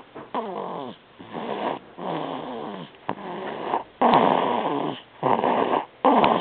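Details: Snoring in a quiet room: rapid, rhythmic rattling breath noises on each inhale and exhale.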